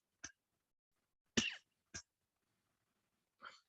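Four short, separate coughs in a quiet room, each a brief dry burst; a plain cough.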